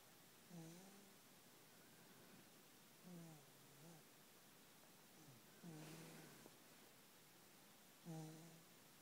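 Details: Soft, low, rough snores about every two to three seconds over room hiss, recorded in the middle of the night; light snoring.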